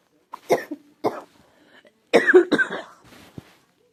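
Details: Girl who thinks she is getting a cold, with a scratchy, sore throat: several short, loose coughs in two clusters, with a brief throat clear; cough with a common cold.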